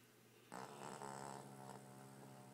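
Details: Sleeping dog snoring: a low, rough, rumbling breath sound in a quiet room.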